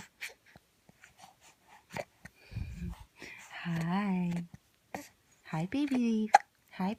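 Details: Baby with repeated hiccups: brief, sharp catches in breathing.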